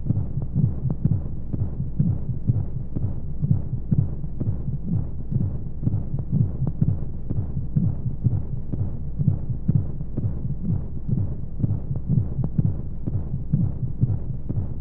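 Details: Womb sound played as a baby sleep aid: regular muffled low thumps, about 125 a minute, over a soft steady whooshing hiss of white noise and flowing sounds; heartbeat.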